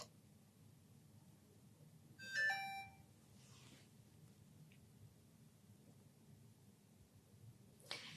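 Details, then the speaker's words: Short chiming beep in a quiet room as an enteral feeding pump switches on after the feeding set is loaded and the drip chamber filled, in a feeding tube training demonstration. "Close the pump cover. Fill the drip chamber. Turn on the pump."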